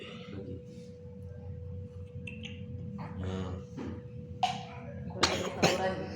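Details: Infant fusses, then gives two or three abrupt, wet coughs while bringing up mucus and phlegm, over a steady background hum; productive cough.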